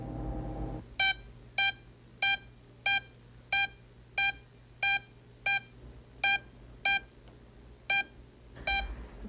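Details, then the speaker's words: Electrocardiogram monitor beeping regularly at about 94 a minute in a young dog with an innocent murmur, done to confirm a normal heart; heart rate reported normal; ECG monitor beeps. "I'm doing here is measuring the electrical impulse that's coming from her heart that's traveling along the wires up to this machine that receives that electricity and it tells me about her heart rate"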